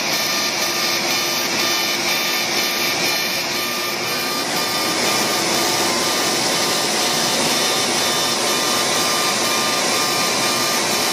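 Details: Light CO2 laser (about 40 millijoules, density six) during one-pass facial resurfacing for fine lines and wrinkles: steady loud hiss and hum of a smoke evacuator with rapid regular ticking as the laser scans the skin. Patient also has acne scars.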